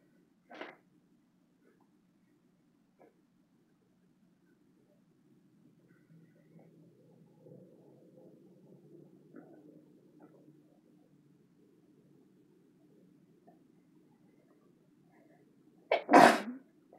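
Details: A quiet room with a faint short burst early on, then one loud explosive sneeze near the end, brought on deliberately with chhinkni sneezing powder.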